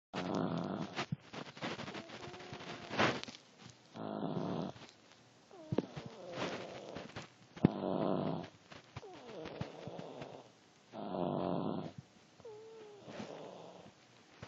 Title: snoring.